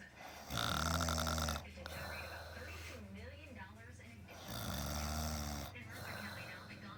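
Two loud, rattling, low-pitched snores about four seconds apart, with quieter breathing between them. Heavy snoring.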